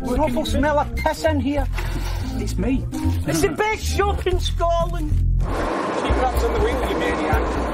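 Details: Adult man with Tourette syndrome ticking in a shop among others with Tourette syndrome, where one tic can trigger many; vocal tics (Tourette syndrome).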